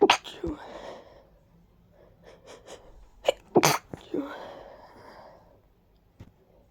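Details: Person with recently active allergies and sudden sneezing fits, feeling a deep tickle in the nose: two sharp sneezes, each after a noisy in-breath, with wet congested sniffling between them; congested sneezing.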